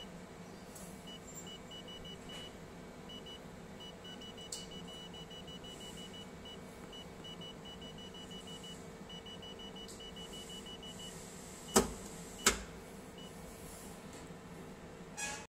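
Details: Soft, rapid electronic beeping broken by two sharp snapping pulses from a portable picosecond laser machine operating.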